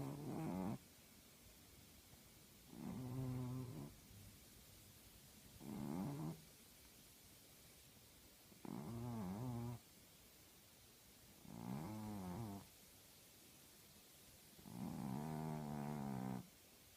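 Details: Six loud, rattling snores, about 21 a minute, with quiet pauses between breaths from a sleeping female tabby cat; ordinary cat snoring.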